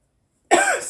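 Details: Woman talking about a pure-nicotine product and about smoking with a new bong; a single short, rough cough burst after silence, typical of irritation from inhaled smoke.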